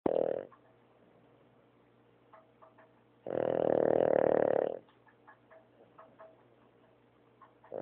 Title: snoring